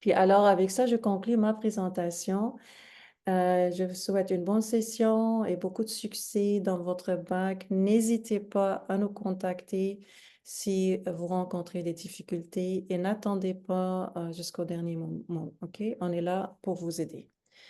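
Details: Adult female speaker; normal speech.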